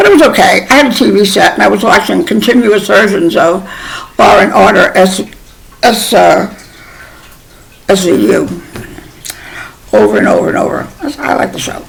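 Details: Adult woman with Bell's palsy and a half-numb, paralyzed mouth, who also has a new temporary dental crown; she attributes her slurring to both; mild slurred speech from facial paralysis (Bell's palsy).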